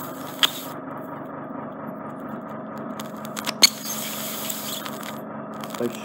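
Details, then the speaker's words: Ear microsuction removing impacted wax from an adult man with reduced hearing in both ears and a painful right ear: steady high suction hiss with sharp snaps as wax shoots off the suction tube. "So if I come in and out of your ear, it just means that my suction tube is blocked. Blocking it."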